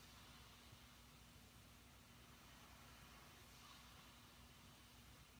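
A steady, even whoosh with a low hum from a CPAP machine; no snoring or breathing sounds stand out.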